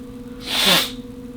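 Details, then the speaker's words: Adult's ordinary single sneeze, which the sneezer calls his normal sneeze: one brief hissy burst with a short voiced squeak over a faint steady hum. "like i try to make weird sneezes but that's my normal sneeze the one you heard is my normal sneeze"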